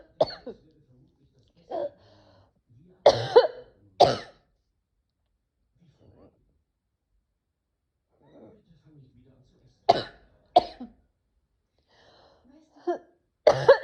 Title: Sneezing, coughing. Allergies? I don‘t know 🤷🏻‍♀️